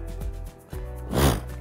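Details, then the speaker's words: Adult man with Tourette syndrome, a neurological condition of motor and vocal tics, speaking to young people: a single abrupt snort-like burst of breath over soft background music; a vocal tic. "tourette's is a neurological condition made up of both motor and vocal tics and you've got to have both motor and vocal tics to be classified as tourette's"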